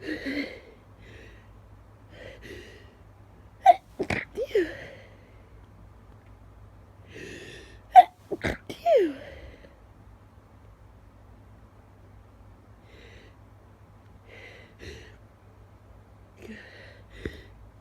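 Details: Person just woken at 5 a.m., trying to stifle repeated sneezes: two bursts of sharp sneezes, about five in all, each preceded by a quick intake, with sniffles between and nose-blowing after; sneezing.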